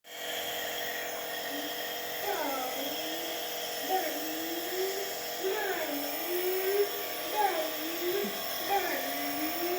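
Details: Nebulizer treatment given playfully to a child with cough and cold: a steady buzzing compressor motor drone with the child's gliding vocal sounds over it; nebulizer running.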